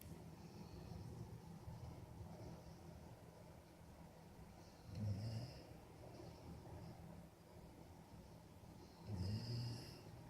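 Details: Big, overweight sleeping dog: two low, rumbling snores about four seconds apart over steady background noise; snoring.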